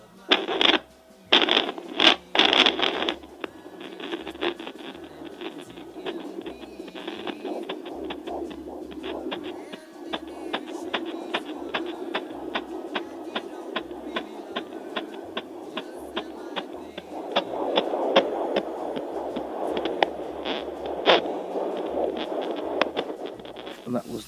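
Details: Fast, regular whooshing fetal heartbeat at 18+3 weeks of pregnancy, picked up by an Angelsounds JPD-100B handheld fetal Doppler on the first attempt, after scraping probe noise.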